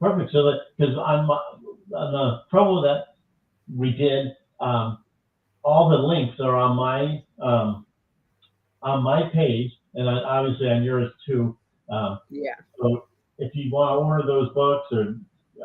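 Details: Adult speaker; conversational speech.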